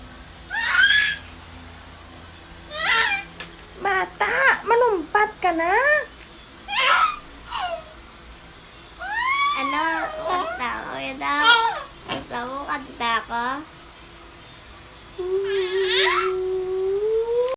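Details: Infant with bilateral profound hearing loss vocalizing: bursts of babble, squeals and gliding voiced sounds with laughter-like calls.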